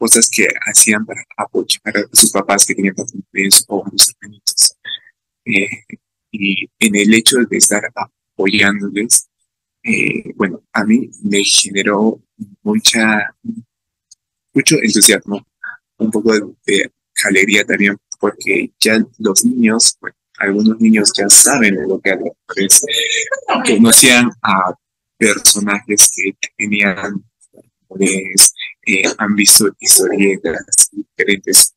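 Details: Adult man with real stuttering, speaking Spanish at a stuttering festival about his own experience of stuttering; stuttering.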